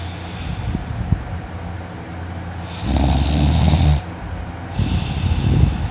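Loud, rough, low rattling breath sounds, rising to a harsh burst during one inhalation, over steady room noise: heavy snoring.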